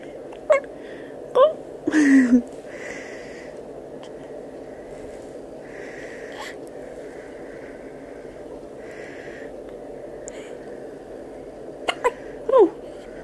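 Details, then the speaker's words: 4-day-old newborn with hiccups: several short, sharp gulping catches at irregular intervals, with quiet room noise. "You okay? You got the hiccups? You have the hiccups?"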